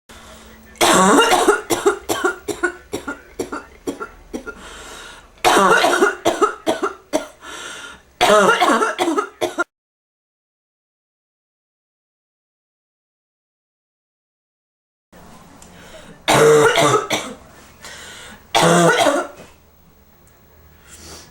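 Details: Person with bronchitis giving repeated fits of harsh, forceful, hacking coughing in quick runs; a bronchitis cough.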